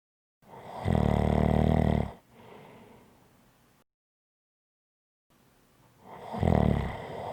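Loud, harsh, buzzing snores on the in-breath, each followed by a softer out-breath; snoring.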